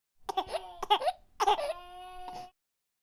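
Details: Baby crying sound effect over background music; an infant cry.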